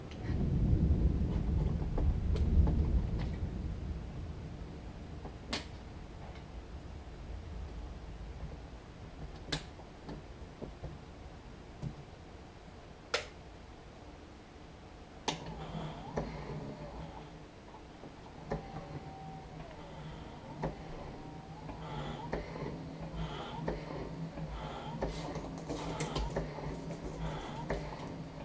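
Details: Sharp valve clicks roughly every four seconds, then a steady motor whir from a running medical-grade mechanical ventilator built in Singapore from off-the-shelf parts.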